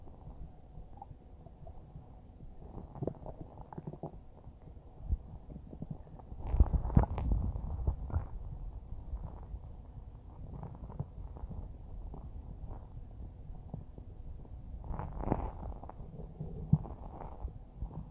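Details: Low, irregular gurgles and rumbles with a few louder churning bursts, then small gentle gurgles, recorded from a person's stomach about a minute after finishing a huge bowl of spaghetti: normal bowel sounds.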